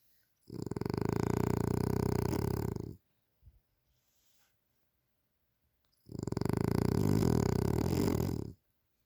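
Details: Frenasia snoring loudly during sleep: loud, low, fluttering rumbles over two seconds each with quiet pauses between, about 11 a minute.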